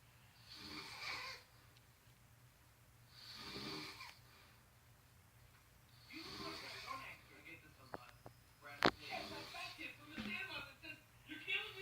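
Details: Adult man, a father who habitually snores, asleep, giving slow, rasping snores on each breath, a few every ten seconds, with a brief sharp noise in the room; snoring.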